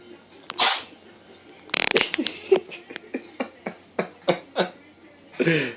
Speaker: I call this the sneezing cat video. Kick one out there, Buttons.